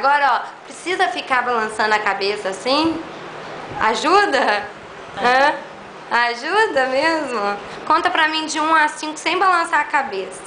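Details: Adult woman, speech therapist; normal speech.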